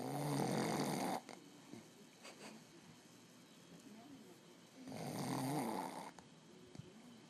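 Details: Occasional snorer recorded by partner during sleep: two loud, harsh, vibrating snores on breathing in, about four seconds apart, with quiet breathing between.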